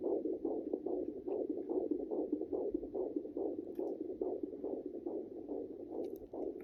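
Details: Fetal heartbeat heard at home on a fetal Doppler: rapid, regular whooshing pulses at about 140–145 beats a minute.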